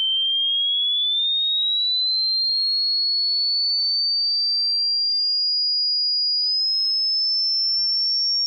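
A steady pure whistle-like tone that slowly climbs from high to very high pitch, a hearing-test sweep.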